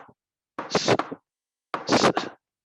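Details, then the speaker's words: Vocal imitation of a systolic murmur: two drawn-out whooshing sounds contrasted with brief normal heart sounds, from a rheumatic heart disease lecture; the murmur is an abnormal sound with duration between the heart sounds. "Murmur is an abnormal heart sound occurring between the normal heart sound with a duration."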